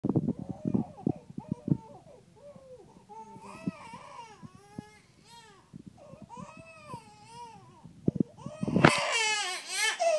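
An infant cries in drawn-out, rising and falling wails that end in a loud, high-pitched outburst; colicky crying.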